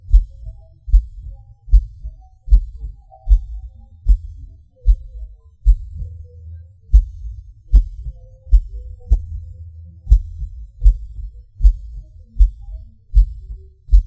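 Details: Recording of own heartbeat with PVCs/PACs: loud low thumps near 76 a minute, uneven spacing, pauses and early beats, felt as a falling sensation; irregular heartbeat with premature, skipped and extra beats.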